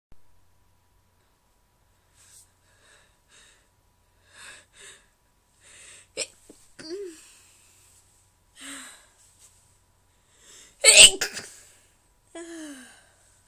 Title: Morning Sneezes